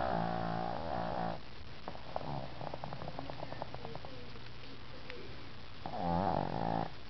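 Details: Dog in a deep afternoon nap snoring: two loud, buzzing, fluttery snores about five seconds apart, with soft clicking breaths between and a television faintly in the background.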